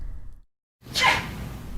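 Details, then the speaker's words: Simulated sneeze in a hygiene-etiquette demonstration, into the sleeve/elbow: a single sharp, hissing burst after brief silence, muffled by fabric; sneeze. "cassandra effectively uses her right elbow even droplets from this big sneeze are stopped in their tracks as joanne makes sure her nose and mouth are deep in the fabric"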